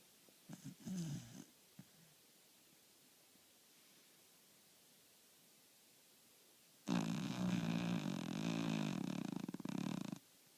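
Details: A short snort, then a long, loud, rough fluttering snore of about three seconds in a quiet room; ordinary snoring.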